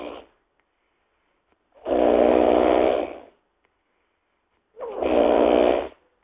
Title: WILD BOAR SNORING!